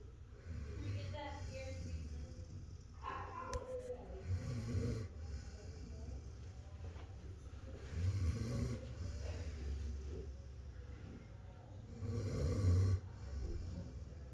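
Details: Dog (female) snoring while relaxed and asleep at the vet's office without any medication: low, soft rumbling snores on each breath, about four breaths over fourteen seconds.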